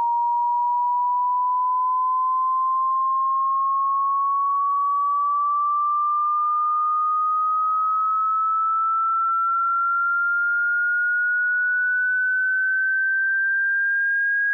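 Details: A single steady pure tone gliding slowly and smoothly upward in pitch, part of a 20 Hz to 20,000 Hz hearing frequency sweep used for tinnitus pitch matching.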